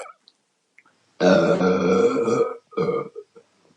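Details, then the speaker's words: Woman feeling bloated and under pressure after drinking a lot of beer: one long, loud, drawn-out voiced belch followed by a shorter second burp; belching. "Just a bunch of smaller ones. Oh my God, it feels so much better. All those little burps, I thought, oh my God, am I not going to have a big burp?"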